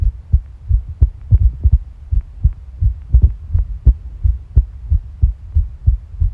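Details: Stomach and heart sounds recorded together: low, steady heartbeat thumps near 86 a minute, mixed with softer gurgling bowel sounds.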